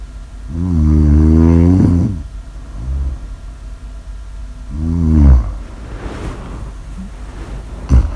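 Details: Loud, low, rattling snores on the in-breath, two in eight seconds, with quieter breaths between; ordinary snoring.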